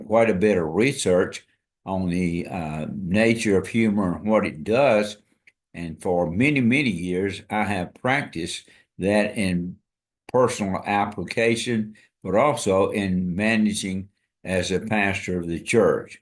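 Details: Adult man, a retired pastor, with amyotrophic lateral sclerosis diagnosed February 2024 after earlier diagnoses of Parkinsonism, Parkinson's disease, spastic paraplegia and primary lateral sclerosis; he states his walking and speech are failing; dysarthria (ALS).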